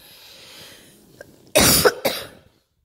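After quiet breathing, two harsh coughs in quick succession, the first longer and forceful. Cough during a flu illness.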